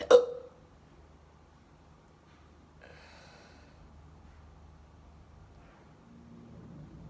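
One short, abrupt hiccup at the start, followed by several seconds of quiet room sound.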